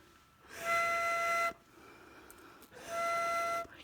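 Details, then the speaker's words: Two steady high whistles, each about a second, during inhalation through the spacer chamber of a Flovent metered dose inhaler in a teaching demonstration; the noise stops when no medication is left in the chamber. "makes a noise when the noise is gone means there's no medication left on this chamber"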